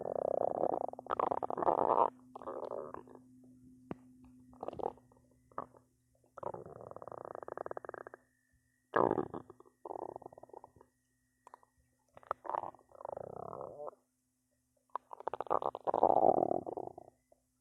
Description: My belly start to growl a lot